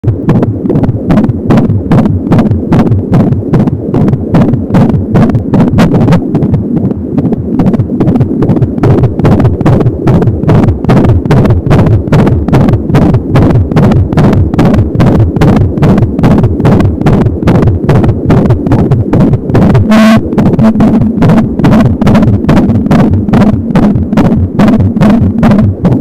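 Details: Fetal heartbeat at 25 weeks of pregnancy on an Angel Sound home fetal Doppler, about 170 a minute: rapid regular whooshing pulses, with a softer whoosh from the umbilical cord.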